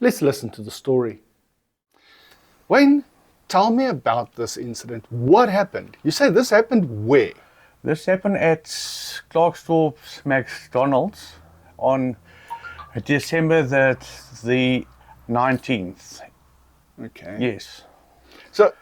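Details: Adult man who stutters; stuttering.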